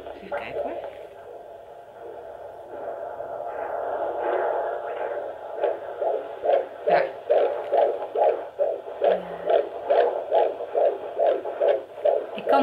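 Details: Normal fetal heartbeat on Doppler at 16 weeks of pregnancy during a midwife visit: rapid, regular whooshing pulses, about 140 beats a minute.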